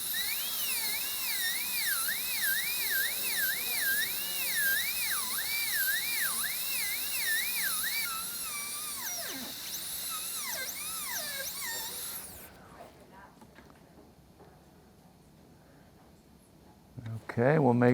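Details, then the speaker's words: High-speed air-turbine dental handpiece refining axial walls and gingival third during all-ceramic crown prep on tooth #9 (rounded shoulder): high-pitched whine rising and dipping with light cutting strokes, then stopping; faint music. "that turbine almost sounds like it's starting to go on this hand"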